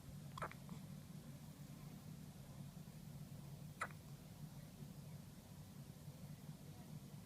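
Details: One-day-old newborn in hospital with hiccups: two brief, sharp hiccup sounds about three seconds apart over a steady low room hum.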